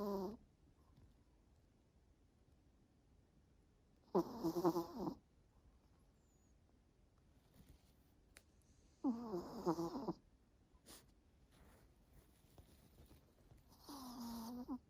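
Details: Pet sleeping, exhausted after a walk in the park and a vet appointment: fluttering, slightly whistling snores about every five seconds, roughly 12 breaths a minute, in a quiet room. Snoring.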